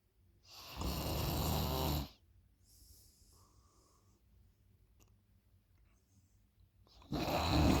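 Loud, deep, rattling snores on breathing in, with a quiet hissing breath out between them: heavy snoring during sleep.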